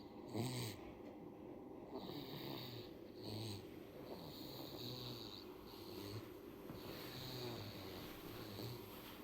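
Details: A baby snoring clearly: soft, rattly snoring noise repeating about every second, on a noisy recording.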